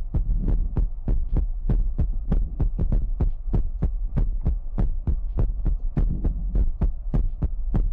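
Rapid, regular low thumps at about 98 a minute over a steady hum; a heartbeat sound.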